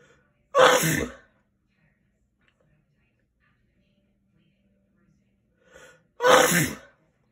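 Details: Father's Day sneezes: two sharp, explosive sneezes about six seconds apart, with a quick in-breath before the second; ordinary sneezing.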